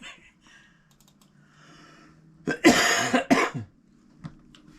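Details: A short burst of two or three harsh coughs in a quiet room, with faint keyboard tapping before: cough.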